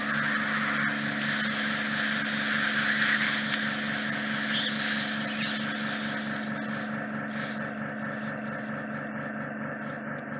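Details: Endoscopic microsuction of deep impacted ear wax trapped at the isthmus (narrowing near the eardrum) of a woman's ear canal, after lubricating drops: steady loud hissing suction with a fast pulsing hum; ear microsuction.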